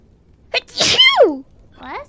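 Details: Quick inward breath, then one loud voiced sneeze trailing off, followed by a brief spoken remark; a single ordinary sneeze.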